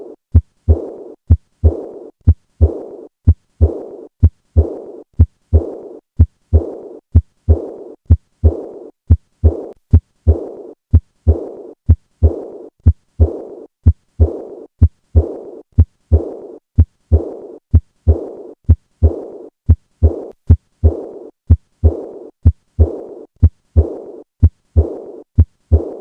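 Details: Auscultation at the 4th left intercostal space; acute aortic regurgitation murmur.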